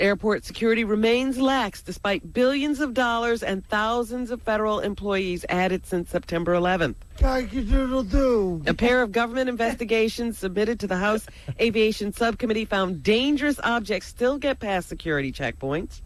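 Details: Adult woman reading news; ordinary speech.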